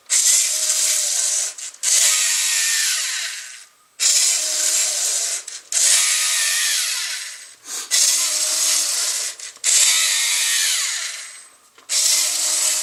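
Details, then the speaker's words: A homemade emergency ventilator built from a LEGO Mindstorms NXT, made during the COVID-19 ventilator shortage, pumping a resuscitator bag: a whirring motor runs about six cycles in 13 seconds. Compression, delay and bag diameter are programmable. "Go to the bag position based upon this particular diameter. And now we're going to pump the bag."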